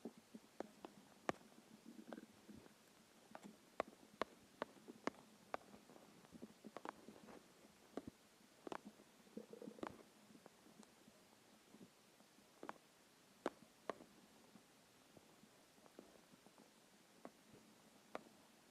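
Quiet gurgles, squeaks and short pops from the belly over a still background; ordinary hunger stomach growling.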